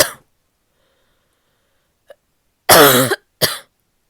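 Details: Adult female barky coughing fit: a brief run of harsh, voiced, barky coughs with silent pauses between; barking cough.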